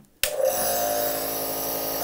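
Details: Compressor nebulizer switched on by a pharmacist testing saline (0.9% normal and 7% hypertonic), giving a steady buzzing hum with a hiss of mist output; nebulizer running.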